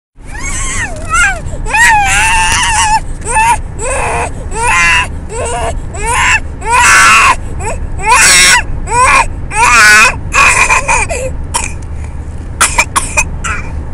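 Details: Infant crying, recorded on an Android phone: loud, sustained bursts of rising and falling wails over a steady background rumble; an ordinary baby cry.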